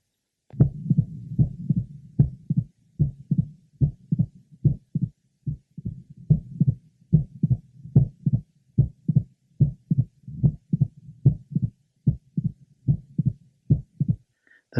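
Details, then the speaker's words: Mitral valve prolapse patient heard at the apex: regular heartbeat about 73 per minute with a single sharp click late in systole, just before the second heart sound. "another example of a single click in late sisterly Apex"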